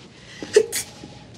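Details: Acted sneeze in a television scene: single sharp sneeze with a brief in-breath before the burst.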